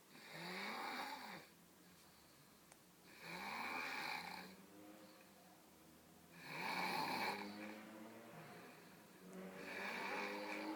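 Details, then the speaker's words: Child asleep after a tiring day playing outside, snoring loudly: loud regular snores on each in-breath with quieter out-breaths, about 19 breaths a minute. "got really tired today playing outside. He's snoring pretty loudly."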